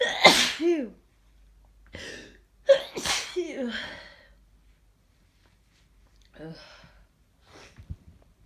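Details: Someone with a head cold: two forceful, scratchy, voiced sneezes, then congested sniffs and breaths. Nose blowing and coughing also occur in the recording. Sneezing with nasal congestion.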